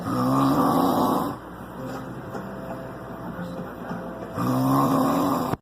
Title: Drunk snoring